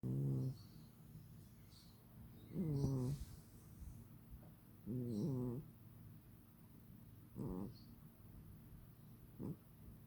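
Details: Snoring on a quiet sleep day: short, low, vibrating snores about every two to two and a half seconds, with a faint hum between.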